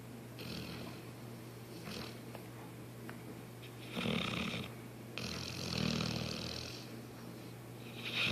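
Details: Sleeping dog snoring: soft, rough snoring breaths with two or three louder snores over a steady low background hum.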